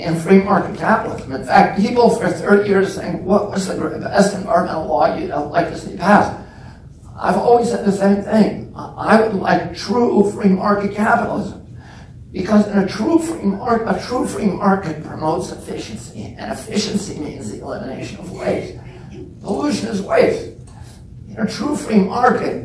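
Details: Real adult man with spasmodic dysphonia (he calls it spasmodic dystonia), onset at age 42 after a previously strong voice; he reports symptoms lessen or go away after speaking a while. Finding: spasmodic dysphonia.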